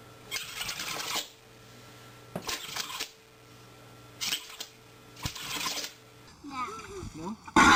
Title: Sneezing Animals Compilation ORIGINAL)